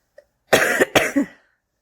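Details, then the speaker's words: Smoker's cough in an adult smoker during her second cigarette of the morning: a harsh double cough, two rough bursts back to back. "every time I do it though I cough I a cough that time what's going on well I'm having my second cigarette of the morning"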